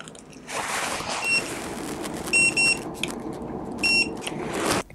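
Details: Dental X-ray unit giving short, high electronic beeps over room noise, marking each exposure while cuspid-area bitewing and periapical films are taken in a full-mouth series on a returning dental patient; normal device signal.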